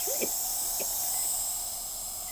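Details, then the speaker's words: A salbutamol nebulizer runs for a woman on dialysis for kidney failure who has wheezing in both lungs, worse on the left: a steady, high airy hiss, with faint voices near the start. "she given her a cell butal nebulizer basically it's the same drug as the ventil in inhalers but more concentrated form and it just gets into this blood system a lot faster"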